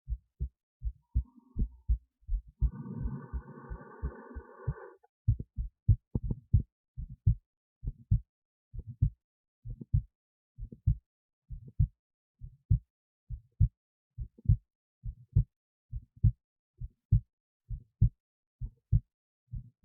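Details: Own heartbeat recorded with an esophageal stethoscope resting near the heart, alongside an EKG: a steady, regular beat at about 67 beats a minute with clear first and second sounds and no murmur; normal heart sounds.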